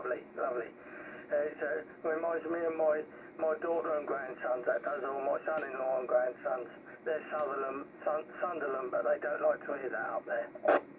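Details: Adult speaker over CB radio; normal voice.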